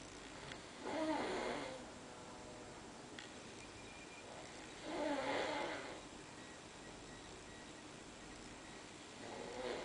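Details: A person asleep in bed snores with soft rasping snores on inhalation, roughly every four seconds, over a steady background hiss; ordinary snoring.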